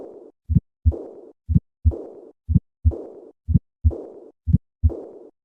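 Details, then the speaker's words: Simulated heart sounds of a patient with a bicuspid aortic valve, about 60 a minute: three normal beats, then an ejection click is added, then a soft, fading early diastolic blowing murmur of aortic regurgitation. "Listen to a patient with a bicuspid valve and aortic regurgitation. I will start with 3 normal beats, and then add the click, and finally the diastolic murmur."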